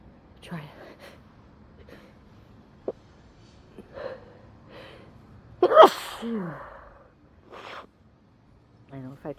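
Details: Sneezing fit after snuffing a small amount of fresh chhinkni (sneezing powder): one loud explosive sneeze among smaller stifled sneezes, sniffs, short voiced sounds and talking.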